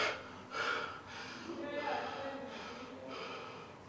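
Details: Repeated abrupt gasping and snorting bursts from a person with Tourette syndrome, recorded at a university hospital around implantation of a deep brain stimulator; vocal tics.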